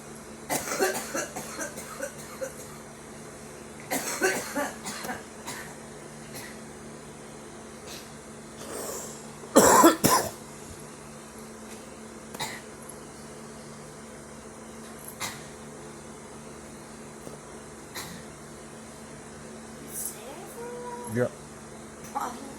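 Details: Girl coughing while smoking: clusters of harsh, hacking coughs with throat clearing over a steady engine-like hum.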